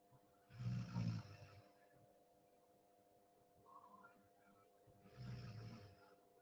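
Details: Deep sleep snoring: two low rattling snores on breathing in, about four seconds apart, with a steady hum in the room.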